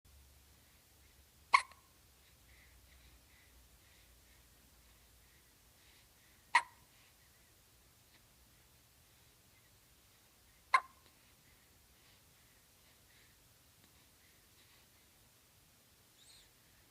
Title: Hiccups :(